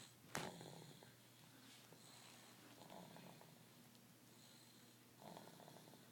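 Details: A cat snores with quiet, soft rasping breaths recurring every second or so in a hushed room, after an opening click.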